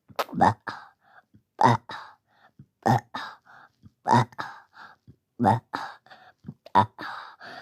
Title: excuse me for burping